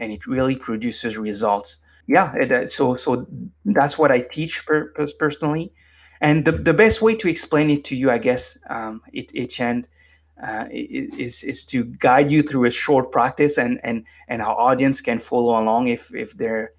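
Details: Adult man with lifelong stuttering, formerly unable to form a coherent sentence without repeatedly stumbling, now managed with meditation so it is barely audible; stuttering.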